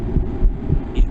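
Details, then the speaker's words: Auscultation simulator, normal heart sounds heard superimposed on breathing in a teaching practical: regular low heart thumps with soft breath sounds underneath. "y además nos da la opción de poder escuchar el corazón más escuchamos la picardía escuchar el superpuesto con la respiración"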